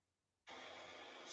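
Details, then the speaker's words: Elderly grandfather in his room at home, with a home oxygen machine running: a steady loud hiss that starts abruptly from quiet. "If you wonder what that noise is, it is the oxygen machine."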